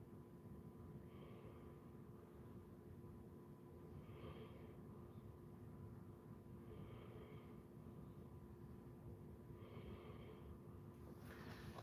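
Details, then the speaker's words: Three sleeping Basset Hounds snoring, breathing hard: rhythmic snoring breaths about 21 a minute over a steady low room hum; ordinary sleep snoring. "Can y'all hear them snoring? Wow, breathing hard."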